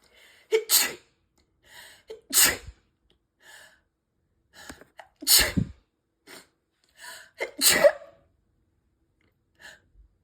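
A run of four loud, forceful sneezes, each with a sharp inhaled lead-in, separated by quiet breaths; a sneezing fit.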